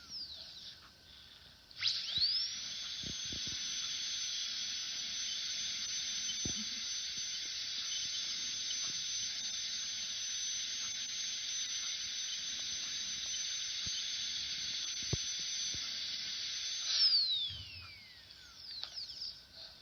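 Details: Dentist drill sound effect: a steady high-pitched whine that spins up, holds for about fifteen seconds and winds down.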